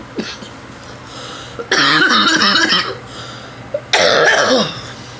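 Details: Adult coughing after inhaling from a new watermelon-flavoured NJOY vape: two loud, harsh coughing bouts, each a run of rough bursts about a second long, separated by quiet breathing.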